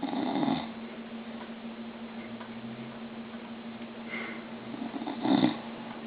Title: Dad snoring on the couch 2